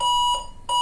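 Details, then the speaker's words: Steady high-pitched alarm tone, briefly interrupted and resuming, from a 400-watt electrosurgical unit in monopolar mode showing error code E01: the patient plate alarm, signalling the plate is not attached and the return circuit is incomplete. "The equipment is alarming and showing error code E01 on the display and the alarm indicator here is lighting."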